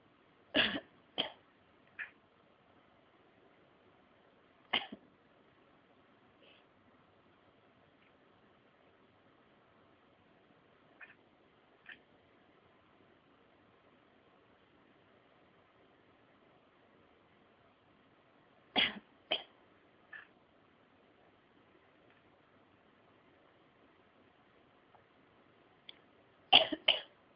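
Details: Short, sharp cough bursts in small clusters from a cat coughing along with a person, whose coughs may be mixed in; cat coughing.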